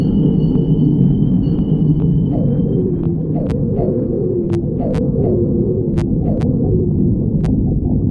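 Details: Continuous low rumbling with gurgling, squeaky rising tones and a few sharp clicks; stomach growling (borborygmi) from gas and fluid moving through the gut.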